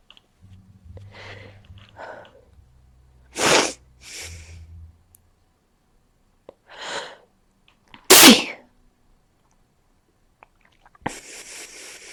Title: Cold sneezing (very sneezy)